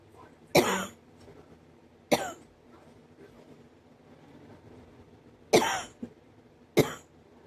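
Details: Four short, sharp, dry-sounding coughs spaced apart in a quiet room; the cougher says the cough is hurting their ribs and chest.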